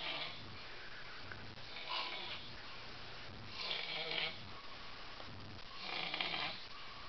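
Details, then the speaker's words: Man passed out asleep on a couch around 7:46 in the morning, snoring "like a dying horse": harsh, rattling snores with each breath, about four in seven seconds, over steady room noise. "This motherfucker snores like a dying horse. I'm not even joking."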